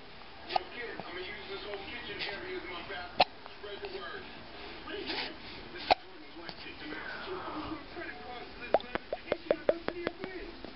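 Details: Baby girl with hiccups, seeming happy: short, sharp hiccup clicks, some single and some in a quick run near the end, with adult talk behind; infant hiccups.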